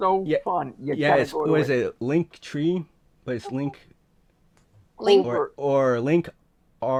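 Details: Adult speaker in a talk series run by a community of people who stutter; stuttering.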